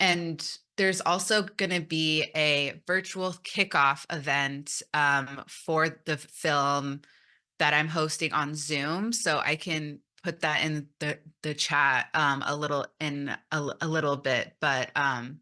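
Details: Stuttering in an adult woman who says she came out as a person who stutters almost three years ago after 29 years of denial.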